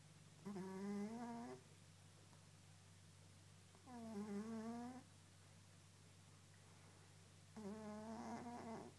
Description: Our fat, orange cat snoring away